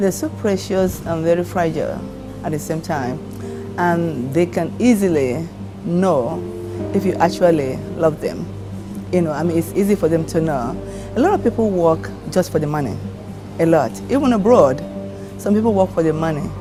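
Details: Adult woman speaking; normal speech.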